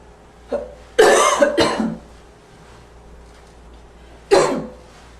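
A few harsh, loud, barking coughs with a faint whistling edge, a barking cough with slight wheeze.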